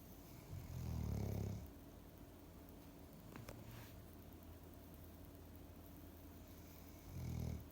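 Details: Dog named Bokdong asleep on the living-room floor in a cool breeze, snoring cutely: two low rumbling in-breath snores several seconds apart over room noise.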